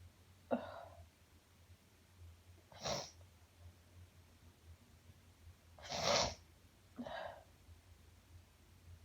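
Four sneezes in quick succession over about seven seconds, with a low hum in the background; a repeated, uncontrollable sneezing fit.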